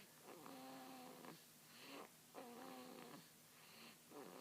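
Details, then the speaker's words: Baby girl, tired after a long day, asleep with rhythmic slightly voiced snoring on each breath, about two breath cycles in four seconds, quiet room; infant snoring. "can't you hear that she snores it's been a long day today show tuckered out"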